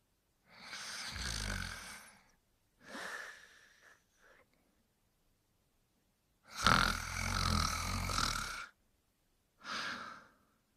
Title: Spike Sleeping and Snoring